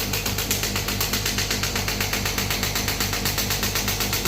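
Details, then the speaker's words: Demo of a new-model shock wave therapy machine with the compressor running: a loud, steady knocking at about four pulses a second over a constant hum as the handpiece fires on the hand, with frequency and power turned down because it stung. "Compressor चालू हो गया। जब मैं इस button को दबाऊंगा तब machine start होगी।"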